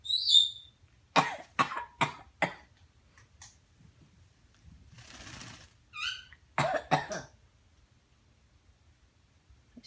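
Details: Coughing, with 'achoo' sneezes just before and after; cough.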